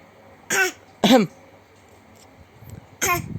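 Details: Small child watching father cough and joining in, coughing while laughing: three short dry cough bursts, an adult's followed by the child's playful imitation.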